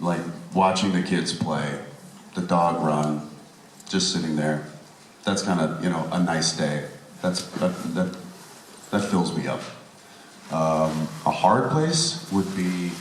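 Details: Adult man speaking; normal voice.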